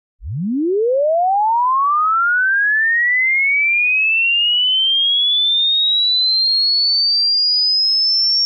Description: LINEAR Sine Tone Frequency Sweep. Running up from 20 Hz to 20 kHz in exactly 30 seconds.